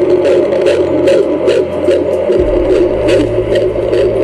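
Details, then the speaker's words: Fetal heartbeat amplified outdoors: rapid, rhythmic whooshing pulses about 150 a minute over a steady drone; fetal heartbeat. "let's hope the tds and senators in the door who think it's okay to kill the little baby whose heart you're going to hear can hear this sound as well"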